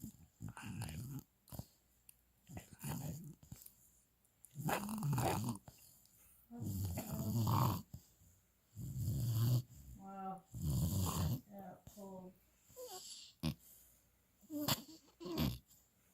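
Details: Irregular snuffling snores and snorts with wet licking sounds from a young dog sleeping with mouth wide open, worn out after his first walk following his final set of shots; snoring.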